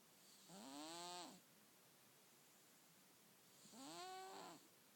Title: Cat Snore Symphony